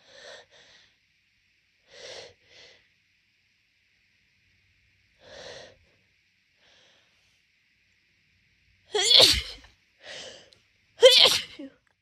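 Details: Congested allergic rhinitis sneezing on waking, before morning meds, a daily pattern for the past month in allergy season: soft stifled sneezes then two louder full sneezes, about seven in all; phone resting on leg.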